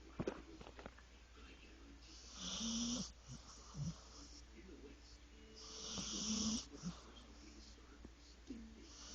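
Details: Sleeping pet snoring: two slow, rasping snores with a hissing, fluttery quality and quiet breathing between.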